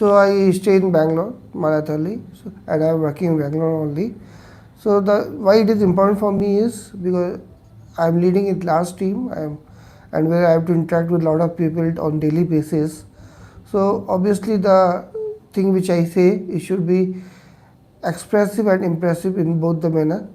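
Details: Adult male recorded before voice therapy, reporting a high-pitched voice, poor speech clarity and low voice intensity; vocal cord paralysis and phonatory gap are also mentioned; finding: puberphonia (high-pitched voice).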